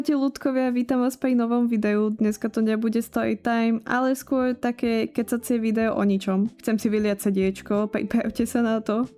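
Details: Rhotacism in a 22-year-old woman, lifelong; she never learned to pronounce R correctly and says it will not go away; Slovak speech.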